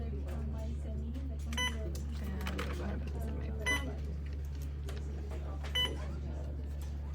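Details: Three short electronic beeps from an Alaris infusion pump while programming a primary 0.9% normal saline infusion at 100 mL/hour, 250 mL to infuse, over steady room hum and soft handling noise.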